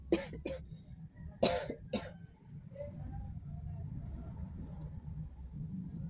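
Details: Plain adult cough: four short, sharp cough bursts in quick succession, then quiet room noise.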